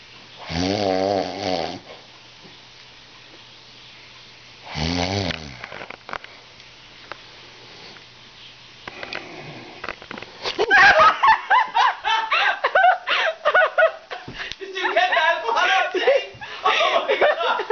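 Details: Snoring: two deep, buzzing snores on breathing in, about four seconds apart, followed by louder unrelated noise.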